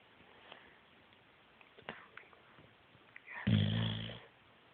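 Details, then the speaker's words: Snoring in a boxer dog that also stretches and shakes: a quiet room with soft rustling, then one loud, rough, low snore-like breath near the end, recorded to see whether the snoring would get louder. "I was see I was seeing if he was going to get louder cuz I'm recording it cuz he was getting louder and louder but I don't think he's getting any"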